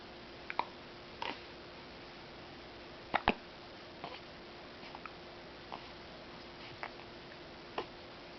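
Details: Hiccups: brief sharp catches at irregular intervals over a steady room hum.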